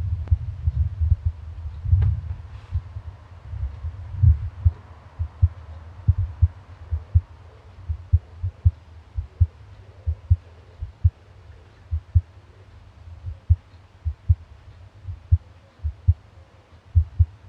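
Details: Border collie's heartbeat recorded by iPhone microphone pressed to the wetted chest under the foreleg via app: steady low thumping, roughly 110 beats a minute, after rubbing and handling noise; normal dog heartbeat.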